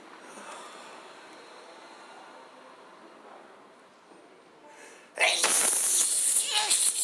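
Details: Adult's spontaneous random sneezes, the first in a long time: a quiet room, then a loud burst of sneezing with explosive expulsions near the end.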